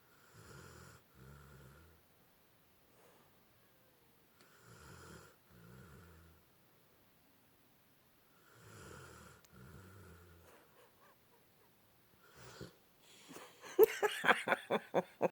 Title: Dog Snoring